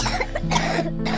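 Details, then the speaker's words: Acted child's cough, a couple of short bursts over steady background music, in a cold-medicine ad. "Suaraku brokbrok. Kakak demam flu dan batuk berdahak."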